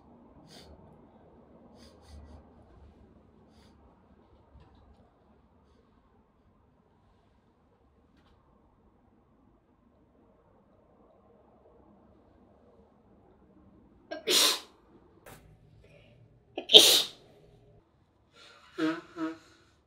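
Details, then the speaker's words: Wet sneezing in a person with year-round allergies (spring and autumn pollen, house dust, cats): two sharp sneezes a couple of seconds apart, then a brief voiced exhale or sniff. "花粉症、春と秋の花粉と、あとハウスダストとか猫とかあるんで、もう年中してます。"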